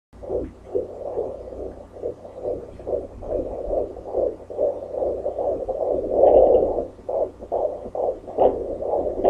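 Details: Possible fetal heartbeat at about 143–145 per minute, found with a fetal Doppler: rapid rhythmic whooshing pulses.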